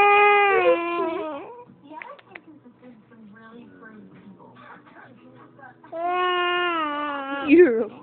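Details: A baby girl, scared while watching her father nap and snore, cries with two drawn-out wails separated by a pause with soft whimpers; an upset infant crying.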